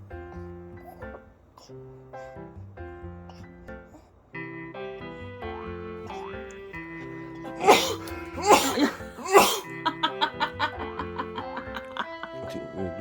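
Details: Sneeze: a sudden loud sneeze from a father over background music while filming his 124-day-old baby girl feeding, startling her.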